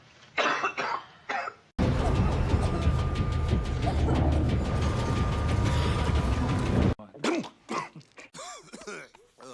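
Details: Acted coughs from a movie supercut of cinematic coughs and sneezes: coughs and throat clearing cut together with background music and snatches of dialogue.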